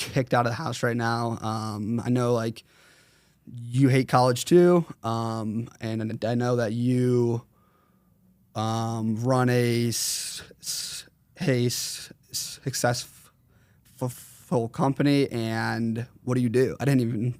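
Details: 21-year-old male with stuttering since 4th grade, severe during school years, treated by a speech therapist around ages 8 to 10, still worse when consciously processing what he says.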